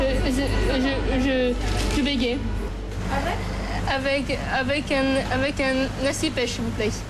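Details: Young adult woman speaking French; stuttering.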